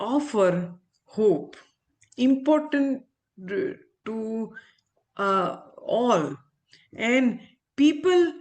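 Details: Adult woman, former ophthalmologist, with aphasia after a stroke, still recovering speech with speech-language therapy; real patient; aphasia.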